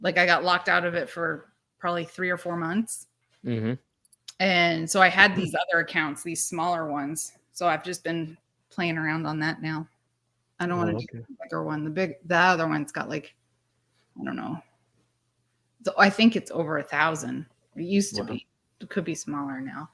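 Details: Adult speaker; ordinary speech.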